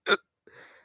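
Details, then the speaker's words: Adult with hiccups while talking: a cartoonish, Looney Tunes-like hiccup. "I sound like a [ __ ] cartoon it's like a Looney Tunes hiccup"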